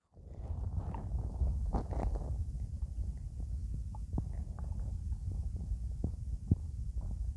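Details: Low rumbling and gurgling from an adult's stomach, with scattered brief bubbly pops: stomach growling (borborygmi).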